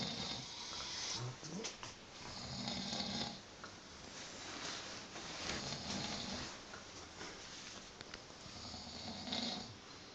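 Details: Two men snoring: rough, rattling snores on each breath, about 20 a minute, irregular and overlapping, in a quiet room; snoring.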